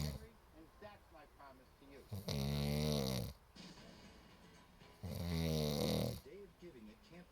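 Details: Heavy snoring, a recurring problem: two loud, rattling snores about three seconds apart, over faint background voices and music from a TV.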